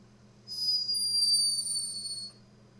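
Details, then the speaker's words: A sleeping hummingbird recorded in Peru: a single thin, very high-pitched whistling squeak about two seconds long; snoring. "Arkadaşlar sinek kuşunun uyurken çıkardığı horlama sesini kayıt altına alınmış. Dünyanın en tatlı horlaması."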